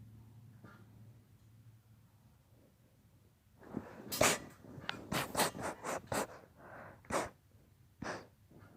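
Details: After quiet breathing, a rapid run of about seven sharp, snorting sneezes in close succession: a sneezing fit.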